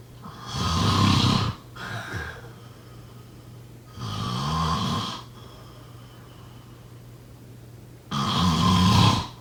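Loud rattling snores on breathing in, about three in nine seconds, with quieter breaths between: snoring.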